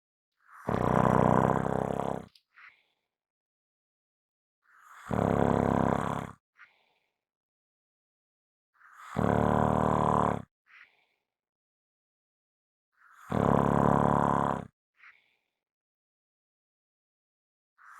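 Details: Loud, rough snores on each breath in, about four in eighteen seconds, each followed by a brief soft breath out; strong, heavy snoring.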